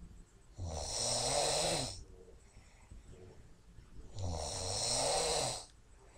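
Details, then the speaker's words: Woman snoring while asleep: two loud, rattling snores on the in-breath, about 3.6 seconds apart, with quiet breathing between them. "So, this is the snoring lady. And here it comes."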